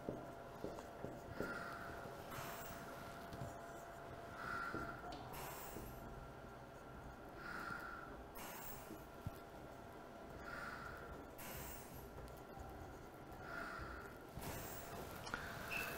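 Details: Regular airy breath deliveries about every three seconds, roughly 20 a minute, over a steady machine hum: a Biyovent mechanical ventilator cycling in pressure-controlled P-ACV/P-CMV mode, with tidal volume around 450–460 mL.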